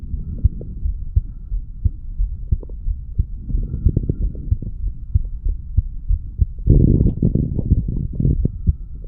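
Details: Fast, strong low heartbeat thumps with steady rumbling noise, from a 35-year-old male, recorded at the mitral (bicuspid) valve area after doing weights; rapid heartbeat after exercise.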